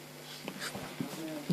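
Brief simulated lung sound with faint musical whistling tones over room noise, consistent with sibilant rhonchi.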